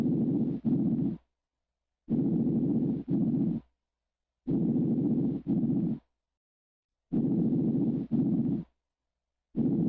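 Soft, even airflow sounds over the front of the chest, each paired with a longer pause, in a regular pattern; normal breath sounds.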